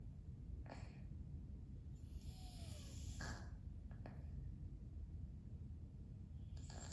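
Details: 13-year-old male domestic shorthair foster cat asleep indoors: snoring.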